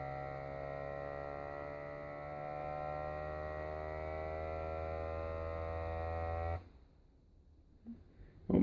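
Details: Kinetik Wellbeing fully automatic upper-arm blood pressure monitor measuring on inflation, person standing: steady motor hum as the cuff inflates, stopping abruptly when the hose pops out; blood pressure cuff inflation.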